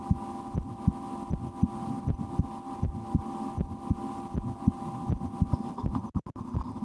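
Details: Own heartbeat recorded through a stethoscope for relaxation, at times holding breath or playing a game to raise the rate, after a restaurant lunch; regular low thumps about 79 a minute with steady hum behind; normal heart sounds.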